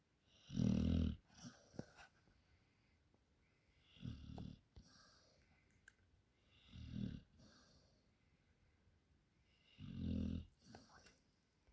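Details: Dog sleeping after a working day: short, rough snorting snores roughly every three seconds, about 20 a minute, with faint breath noise between; ordinary dog snoring.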